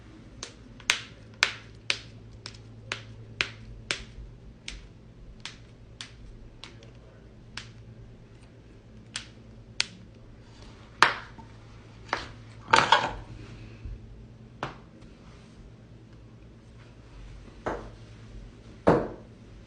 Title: loud back crack and more cracking compilation vol.4